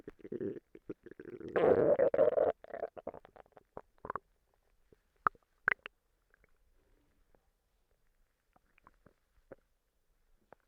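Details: Stomach noises from a person who says they have recently been sick and vomiting. Borborygmi.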